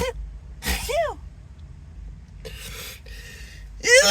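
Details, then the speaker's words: Acted, announced sneezing fit; the speaker apologises, says the nose tickles and tingles and suspects an allergy: gasping inhalations and voiced sneezes with airy sounds between them, over background music. "oh gosh I just can't stop sneezing God sorry sorry"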